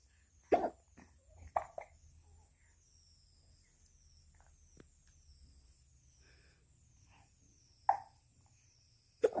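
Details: Mother and son hiccuping at the same time: about five abrupt, clipped hiccup sounds in two clusters, with birdsong in the background; repeated hiccups.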